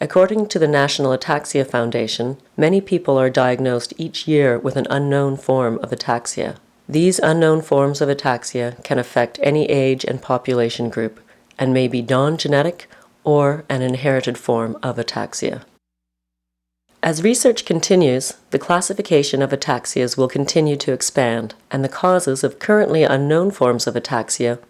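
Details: Adult narrator; normal speech.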